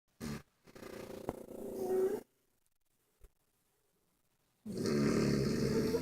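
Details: Snoring from a wife and pugs: loud rumbling snores separated by quiet pauses, with a brief click between them.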